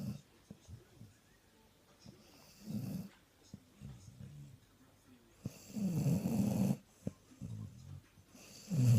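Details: Sprollie dog napping after a big Christmas Day meal, snoring very loudly: irregular, low, rattling snores with snorts and breathy sounds between, one long loud snore standing out.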